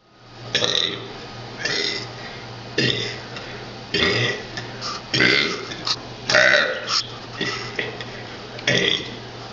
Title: Burping ABC's